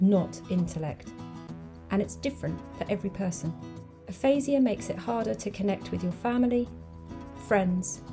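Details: Adult woman narrating over background music; ordinary speech.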